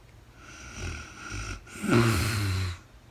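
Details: Adult woman asleep in real time, no talking: a soft rumbling breath in, brief pause, then a louder rattling snore on the next breath: snoring.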